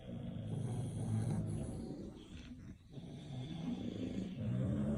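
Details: Bulldog snoring: continuous low, rumbling, fluttering snore sounds rising and falling with breathing; dog snoring.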